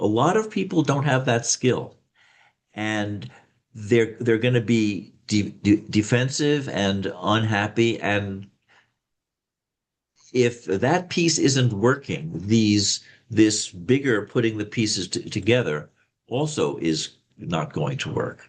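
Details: Slight stuttering, self-reported by an adult male speaker, with word repetitions.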